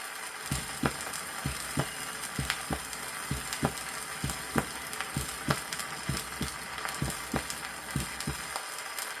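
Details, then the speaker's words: 1963 Soviet teaching record: normal heart sounds at the apex, about 65/min. The first sound is longer, lower and louder at the apex than the second. "первый Тон продолжительнее и ниже второго первый тон громче выслушивается на верхушке а второй тон на основани сердца прослушайте запись нормальных тонов сердца на"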